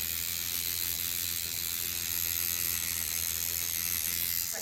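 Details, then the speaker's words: Professional microneedling of a client's cheek, working a small spot in circles with lighter pressure and lifting rather than dragging the pen. Steady high-pitched buzzing with a faint rapid ratcheting texture as the microneedling pen runs against skin. "Just going around in circles. Even though it looks like I'm dragging it, I'm not. I am lifting up and going back down."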